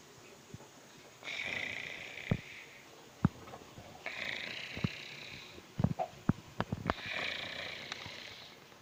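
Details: Sleeping cat snoring: soft, airy, whistling snores on each breath, with scattered clicks and knocks in the background.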